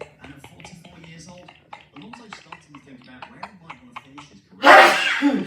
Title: Birthday Countdown #24: The Sneeze that Never Ends In LTKC Map